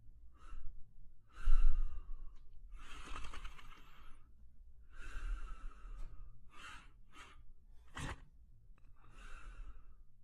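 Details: Male German Shepherd dog sleeping and snoring: slow, rough, noisy breaths in and out with snorting sounds, about seven breaths in ten seconds.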